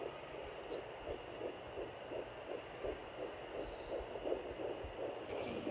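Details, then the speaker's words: Rapid, regular whooshing fetal heartbeat about 170 beats a minute on home Doppler at 10 weeks 4 days pregnant, located right below the belly button after the moving fetus was found again; described as sounding very healthy. "as you can see, he's right below my belly button. Sounding very healthy."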